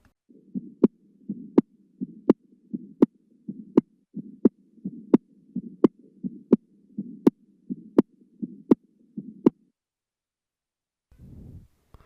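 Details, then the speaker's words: Teaching recording from a nursing heart-sounds lecture of a prosthetic (artificial) heart valve: sharp metallic clicks with each beat at about 83 a minute. "الان لنستمع الى الصوت البريست الفالف اللي"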